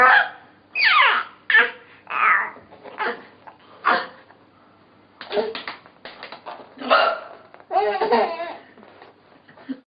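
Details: Mother with hiccups: repeated sudden voiced gulps, each cut off sharply, mixed with laughter from others; hiccups.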